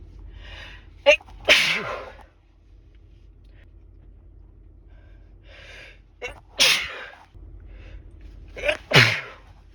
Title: Rapid chhinkni sneezes